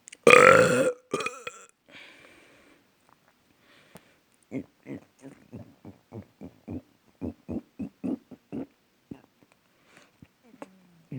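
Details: Repeated belching: one long, loud burp, then a rapid run of about eighteen short, rhythmic burps.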